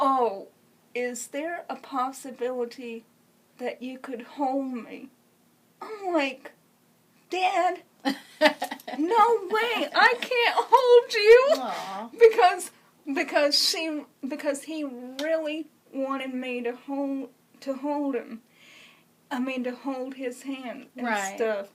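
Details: Dysarthria in congenital cerebral palsy; wheelchair user since early childhood; speech hesitant with repeated words and fillers.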